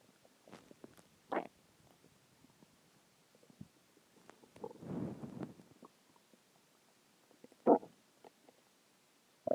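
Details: Normal bowel sounds (borborygmi) a few hours after a huge meal: short bursts of gurgling and rumbling with one longer growl.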